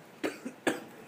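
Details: Two short dry coughs from an adult man acting an asthma attack in a simulated EMT training scenario; he is on 4 L oxygen, allergic to grass, has chest pain on breathing and ran out of medication.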